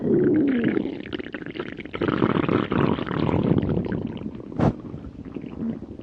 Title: Stomach Growling of Hungry (3rd One) 🤭🤭🤭